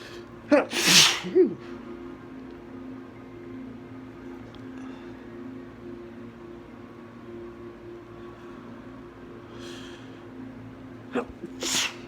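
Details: Three sharp, explosive sneezes in quick succession into a handkerchief, then another near the end, over background music; sneezing during spring allergies, after noticing strong perfume.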